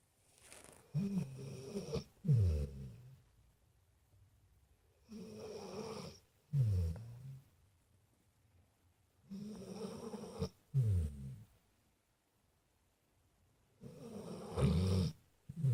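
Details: Regular snoring at about 14 breaths a minute: a rough snore on each breath in, then a short snorting breath out, with silent pauses.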